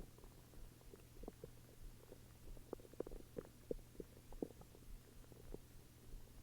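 Soft irregular gurgles and low rumbles from the belly over a steady hum; ordinary stomach growling, a normal digestive sound.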